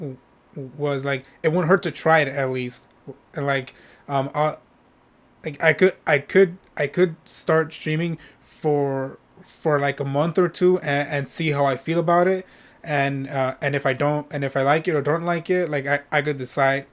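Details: Adult male streamer who says he stutters when speaking and often repeats himself; stuttering.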